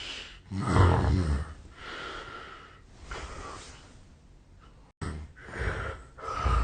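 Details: Real sleep audio recorded 8 years earlier, when the snorer was thinner and suspects a long-standing sleep disorder: loud, harsh, snorting breaths with uneven rhythm and gasp-like sounds; heavy snoring.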